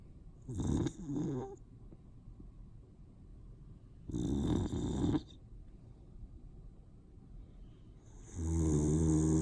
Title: Snoring boxer